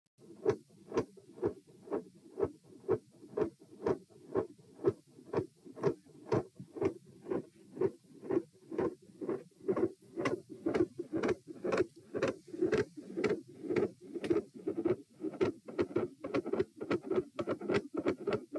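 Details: Heart sounds at position p before a crouching manoeuvre: sharp, regular sounds with a very quiet, barely heard S1 and a loud S2.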